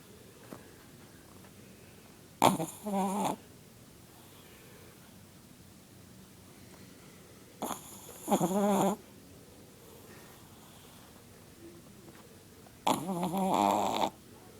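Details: Chihuahua snoring really loud, sometimes with eyes open: three loud rattling snores, each about a second long, about 12 per minute with quiet pauses between.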